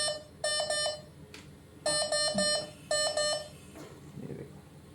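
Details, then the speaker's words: Anaesthesia ventilator workstation starting up in adult VC mode: three bursts of rapid, high-pitched alarm beeps, with room noise. "O2 sensor का इसलिए failure error आ रहा है क्योंकि हमने इसका अभी कैलिबेट नहीं किया है।"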